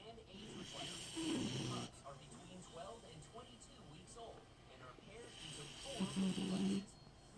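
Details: Sleeping dog: low rough snoring noises with faint room noise in the background: ordinary snoring.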